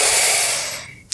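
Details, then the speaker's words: Normal deep breathing from a 25-year-old during a simulated medical-finals respiratory examination: full exhalation, then deep inhalation, repeated while chest expansion is checked and found symmetrical. "now what I'd like you to do is breathe all the way out for me and then take a deep breath in that's great and if you could do the same again one more"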